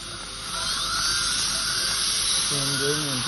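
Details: Dental surgical drill during minimal-incision surgical removal of a lower mesioangular wisdom tooth (Class 2, Position B) with dilacerated root, tooth sectioned: steady high-pitched continuous whine, brief voice at end.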